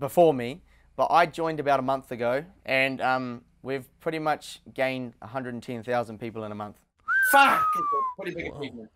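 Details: Vocal tics in a man with Tourette syndrome, diagnosed at age nine, with eye-blinking tics since age two and vocal tics including swearing and repeated phrases.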